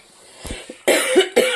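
An adult gives two sharp, dry-sounding coughs in quick succession after a faint breath in.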